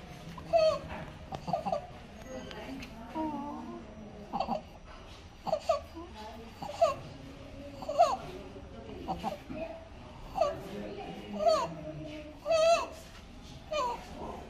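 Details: Sleeping 1.5-month-old infant, probably in hospital, comfortable, with appropriate growth: rapid breathing with a high crowing noise on each breath in, inspiratory stridor from laryngomalacia.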